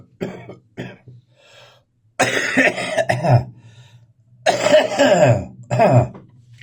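Two short coughs, then long harsh, wet hawking bursts as phlegm is cleared and spat out: a productive cough.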